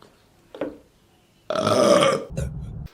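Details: Female burping: a brief throaty sound, then a loud, rasping belch and a short deeper belch after it.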